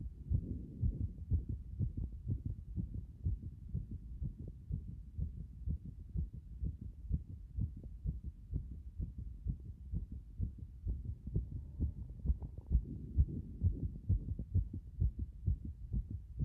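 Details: Heartbeat after a hot bath: strong, rapid, regular low thumps at roughly 130 a minute with some rustle, a fast, forceful heartbeat.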